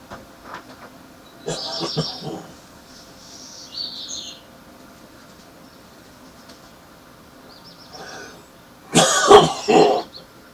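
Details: Man with a heavy morning smoker's cough with spitting: bursts of harsh, wet-sounding coughs, with faint birdsong behind.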